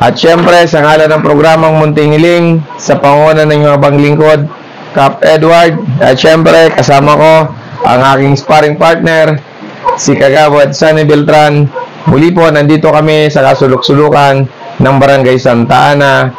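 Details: Adult male; host speech.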